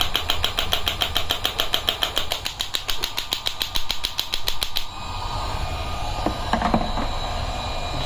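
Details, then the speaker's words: Biotronix electromagnetic shockwave therapy machine demonstration, started with the handle's inbuilt button at user-selected energy and frequency: rapid sharp clicking pulses, about 80 a minute, then stopping with machine hum remaining; shockwave device firing. "then press the start button. Machine will start, and as soon as you press the start button from the handle, instead of foot switch, it has an inbuilt button."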